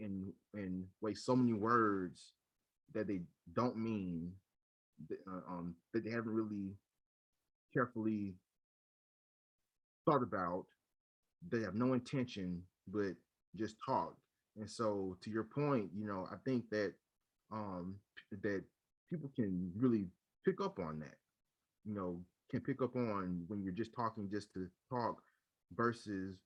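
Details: Adult man who stutters, speaking in a conversation between two people who stutter; he recalls hiding his stutter with silent blocks in his school years; stuttering.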